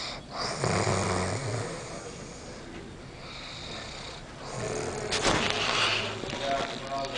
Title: Monsterous Snore of the Year